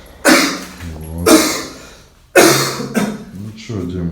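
Three harsh, forceful coughs with short voiced gasps between them; an asthmatic cough.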